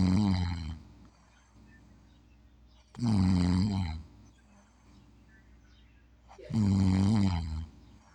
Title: snoring 3 #unidentifyed